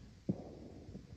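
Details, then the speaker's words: Aortic regurgitation: decrescendo diastolic murmur starting right after S2. "so it's s1 s2 so you can see that the murmur you know hits s1 and the murmur starts right at right after s2 and it's a uh decrescendo"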